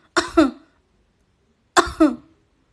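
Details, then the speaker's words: Woman with a persistent cough that many medicines have not relieved, in a short promotional skit for a cough lozenge. "है अरे कितनी खांसी हो रही है तुझे दवाई लिया बहुत दवाइयां खा लिए"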